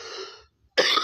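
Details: A single abrupt, harsh cough burst after a fading voiced sound and brief pause; a single cough.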